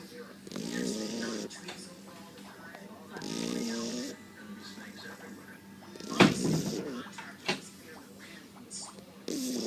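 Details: Sleeping Shar Pei dog snoring: repeated throaty, rumbling snores, with background TV talk and music.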